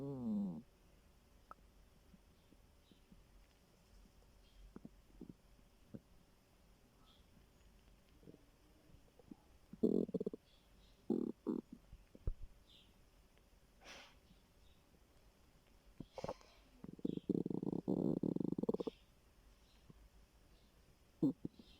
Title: My stomach growling 😂